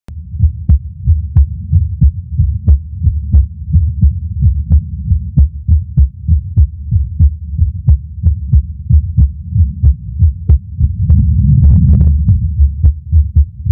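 Low heart thumps around 90 a minute with uneven spacing and occasional pauses, an irregular rhythm with skipped beats.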